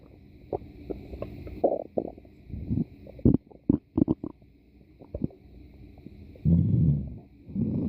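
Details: Gurgling, rumbling bowel sounds with short pops and longer growls as gas and fluid move through the gut; normal stomach growling (borborygmi).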